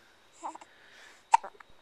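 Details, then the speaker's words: Hiccups in a 3-week-old infant shortly after feeding: two short, abrupt voiced catches about a second apart in a quiet room. "just ate yeah you got the hiccups"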